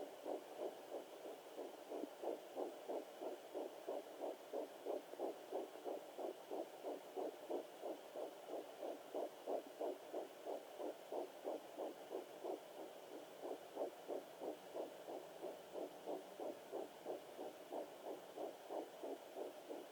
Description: Baby heatbeat on a fetal doppler at 9 weeks & 1 day